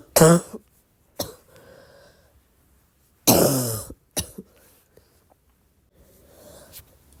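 Two loud, deep, harsh cough bursts with quiet breathing and throat noises between them: a barking cough.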